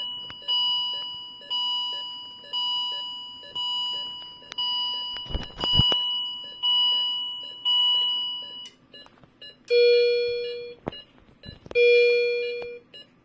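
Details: M3 Viridia (M3046A) bedside patient monitor in demo mode with simulated data, alarm test: repeating electronic alarm chimes.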